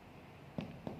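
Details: Demonstration of indirect abdominal percussion with the fingers during an appendix exam, repeated two to three times per quadrant, producing a tympanic abdominal percussion note.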